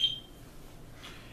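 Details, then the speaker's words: Aitecs 12S Pro syringe pump set up for propofol anesthesia infusion: single short high keypress beep confirming the 60 ml BD syringe entry; normal confirmation tone. "if that information is correct we simply press the enter button"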